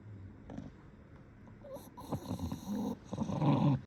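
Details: Sleeping English bulldog, possibly dreaming: low snuffling and rumbling breath noises with a squeaky whine partway through, light snoring with snorts.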